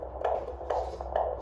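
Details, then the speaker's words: Handheld Doppler at a 23-week pregnancy antenatal visit with the baby sleeping: rhythmic whooshing fetal heartbeat pulses. "And then we did the Doppler, so I'll insert a little clip so you guys can hear the heartbeat. The baby's sleeping."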